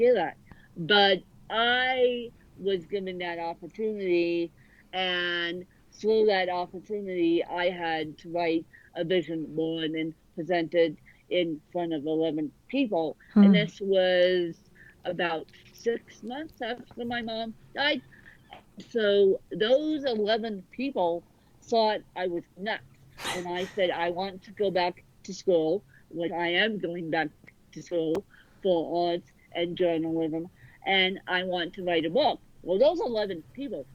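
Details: Adult woman born with cerebral palsy affecting both sides of her body; speech largely unintelligible to automatic transcription; dysarthria.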